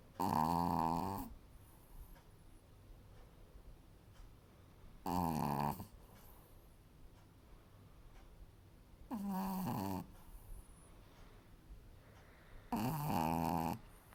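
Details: Sleeping subject snoring: four loud, rough, drawn-out snores about every four seconds, roughly 15 breaths a minute, with quiet breathing between.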